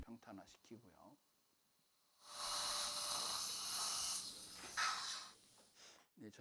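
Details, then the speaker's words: Sustained high-pitched whir of a flattening drill leveling bone through a OneGuide template, during implant surgery at a socket-preservation site with no buccal wall and soft bone; patient stated as 40/F #15 or 65-year-old male #25; dental surgical drill. "First, the flattening drill is used to flatten the bone."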